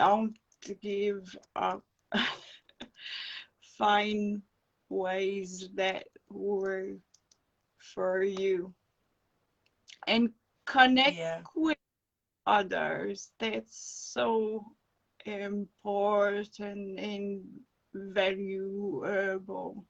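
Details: Adult woman with acquired brain injury from encephalitis and an anaesthetic-related injury; non-fluent aphasia, with slow, broken speech and dropped words when fatigued.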